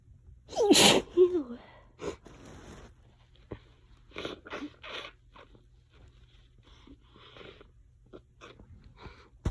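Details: Nonstop allergy sneezing in a bout that lasted about 20 minutes: one forceful sneeze followed by a run of smaller sneezes and sniffs in quick succession.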